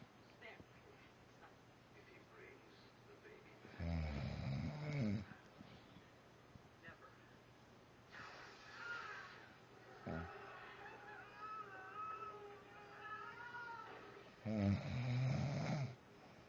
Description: my husband makein the house shake with his snoring